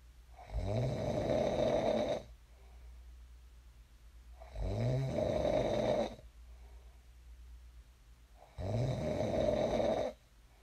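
Three loud, rattling inspiratory snores about four seconds apart, with quiet exhalations between them; ordinary sleep snoring, roughly 15 breaths a minute.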